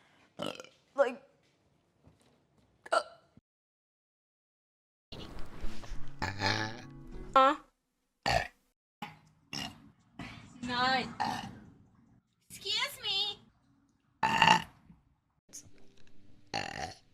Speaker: sorry that a burp that was just chilling in my throat oh [ __ ] I uh what the [ __ ] orwhere it's still oh boy [ __ ] I burp way too much